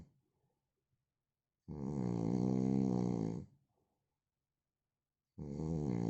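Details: Adult man snoring: loud, buzzing, vibrating snore lasting about two seconds, then silence, then the next snore starting; heavy snoring.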